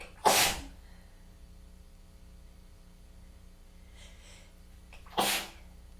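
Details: Sneezing fit attributed to a tickly, congested nose with the weather change: two sharp, explosive sneezes about five seconds apart.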